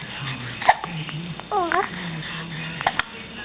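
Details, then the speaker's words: Baby boy gets hiccups while an adult tries to make him smile for the camera: short, abrupt hiccups mixed with soft baby vocal sounds and an adult voice talking about the hiccups. "oh got the hiccups got the hiccups that's I"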